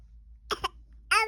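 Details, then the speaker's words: Voluntary fake cough from a young child who claims to be sick and wants medicine but denies headache, bellyache or sore throat: two quick, light coughs, then a voiced sound, not sounding like a real cough. "I don't I don't want you to cough. It doesn't sound like a real cough to me, though."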